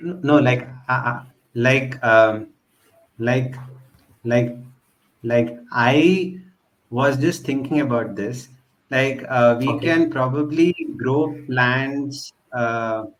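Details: Real, self-identified stuttering in a male podcast host who stutters, part of a stammering association for 6 years; finding: stuttering.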